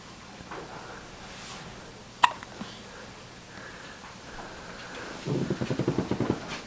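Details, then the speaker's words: A baby's first hiccups, with the family dog investigating the strange noises. "What is that? Those are baby hiccups."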